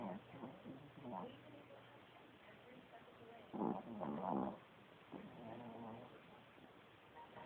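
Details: A sleeping Chihuahua dog snoring loudly, with a cat nearby undisturbed; snoring.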